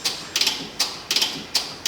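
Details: External counterpulsation (ECP) treatment start, with cuffs on the patient's calves and upper thighs, three chest leads and a finger pulse sensor: sharp rhythmic mechanical valve clicks and hisses, about every half second.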